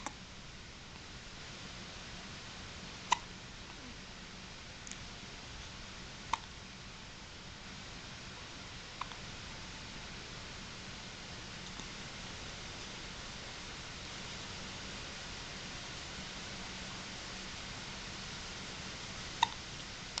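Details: Baby hiccups: faint, brief clicking hiccups at irregular intervals, about five in twenty seconds, over quiet room noise.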